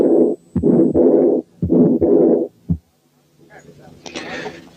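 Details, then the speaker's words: To-and-fro murmur of a double aortic lesion (combined aortic stenosis and aortic incompetence): two-part systolic then diastolic swish, contrasted with the continuous machinery murmur of patent ductus arteriosus. "ونقارن بينها وبين التو اند فرو مامز بتاعة الدبل ايورتيك ليجن في الحالة الثانية اللي جاية."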